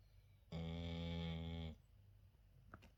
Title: Funny video of dog snoring.